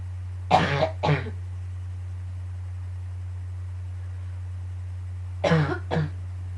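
Two pairs of short, harsh coughs separated by a quiet pause, over a steady low electrical hum.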